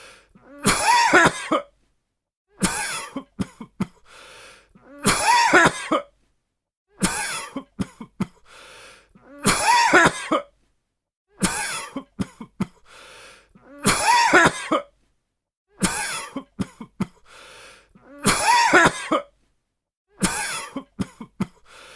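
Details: Repeated bouts of harsh coughing from an adult, about ten bouts in a regular, looped-sounding pattern; a sound-effect recording.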